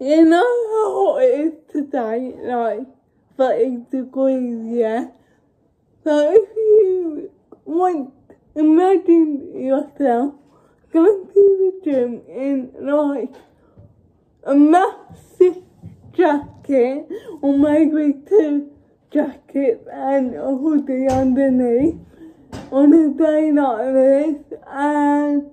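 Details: Dysarthria in a woman with cerebral palsy, speaking English.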